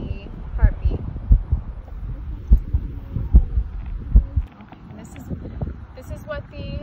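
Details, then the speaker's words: Golden Retriever's heart auscultated with an Eko DUO digital stethoscope/ECG by a veterinarian: low, soft normal heart sounds at a relaxed, not-high rate while the dog is calm, with faint music behind. "right now duke is pretty relaxed his heartbeat isn't very high"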